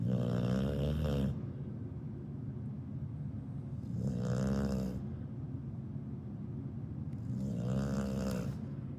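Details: Two-year-old female dog snoring while asleep: three loud, rattling, chainsaw-like snores about every four seconds (roughly 15 a minute), with quiet breathing between them.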